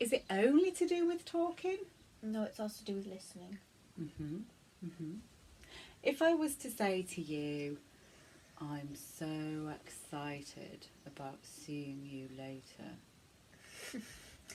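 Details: Adults talking in a small room, likely two speakers; fluent conversational speech.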